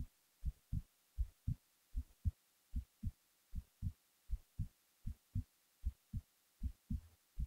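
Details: Steady paired low thuds at about 78 beats a minute, recorded at rest while falling asleep; a heartbeat.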